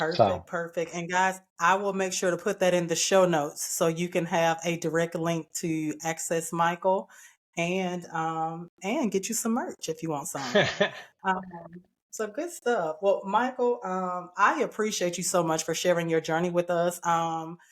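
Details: Adult woman; typical speech.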